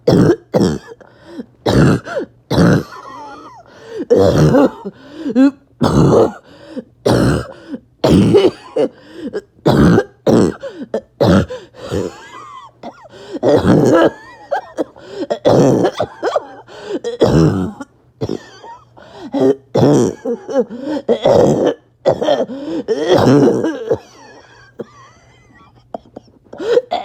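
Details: Someone ill for about 48 hours: repeated harsh, barking coughs in clusters, with strained, whistling noisy breaths between bouts; barking cough with wheeze.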